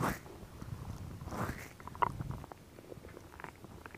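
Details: Stomach growling: bowel sounds (borborygmi) from a woman's abdomen.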